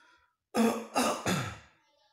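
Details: Three short, moderately forceful cough bursts in quick succession, partly like throat clearing; cough on day 6 of home isolation with COVID-19, cough reported as decreasing and appetite returning.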